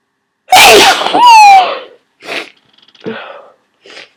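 One loud, forceful sneeze with a drawn-in breath and a voiced burst, then softer sniffs and breaths; sneezing during a cold.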